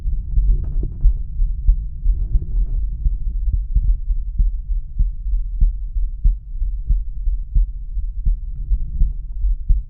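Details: Male heart auscultated with the stethoscope diaphragm at the aortic area: regular heartbeat, about 90–95 beats a minute, after initial rubbing noise.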